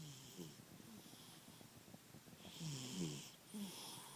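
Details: Cat snoring really loudly in sleep; rough, fluttering snores with a slightly whistling edge on each breath: snoring.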